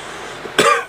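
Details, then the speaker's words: Single short, harsh cough in an adult recovering from an upper respiratory infection followed by bronchitis, lingering more than two weeks and affecting breathing. "I'm still getting over this cough, and I thought I'd just do a rare vlog."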